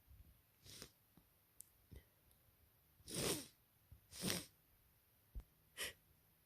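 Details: Person with a head cold (sore throat, very runny nose, heavy congestion): three breathy, hissing sneezes with faint sniffs and breaths between them.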